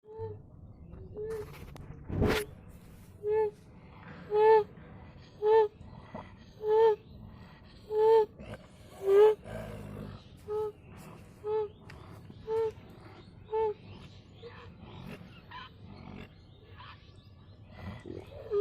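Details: A calf's breathing with a loud, harsh, high-pitched noise on each breath, repeating about 55 times a minute: stridor.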